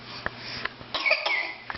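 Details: An infant gives a few short, light coughs, then a brief voiced burst, in a small room; coughing but happy.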